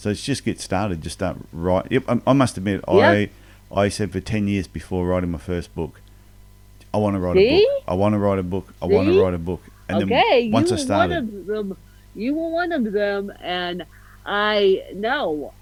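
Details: Adult speaker; normal speech.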